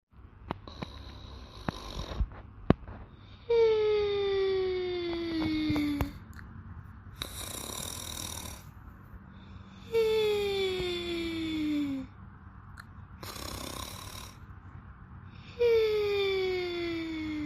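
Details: Two people sleeping and snoring loudly: one makes long whistling, falling-pitch snores alternating with rougher breathy snores from the other; habitual snoring.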